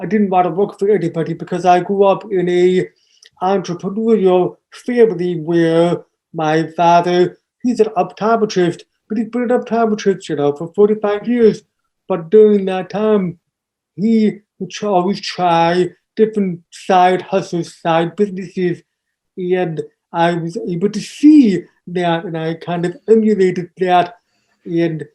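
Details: Adult man born three months premature, hearing loss found at age two and a half, raised with an oral approach taught to listen and speak; speech of a person with congenital hearing loss.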